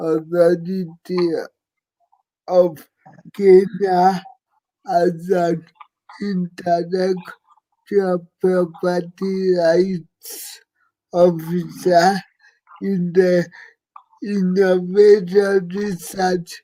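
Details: Dysarthria in an adult living with cerebral palsy; his speech is hard to transcribe.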